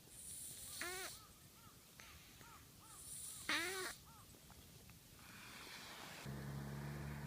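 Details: Stray cat with a stuffy nose, whistling with every breath: quiet snuffly, whistling nasal breaths with short squeaky sounds and a snort, outdoors; nasal congestion.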